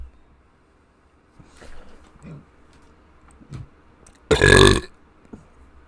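A few faint throat sounds, then one loud, rough burst of a belch; ordinary burping.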